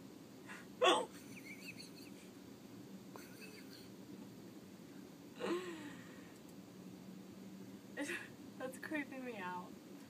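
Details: A person has hiccups: several sharp, abrupt hiccup sounds at irregular gaps over a quiet room hum, with faint voices between them; someone tries to make her nervous enough to stop them.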